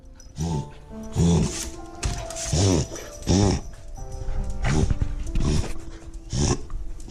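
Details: Beagle dog during a reverse sneeze attack lasting about 20 minutes, comforted with petting: repeated harsh, honking snorts about once a second, typical of reverse sneezing.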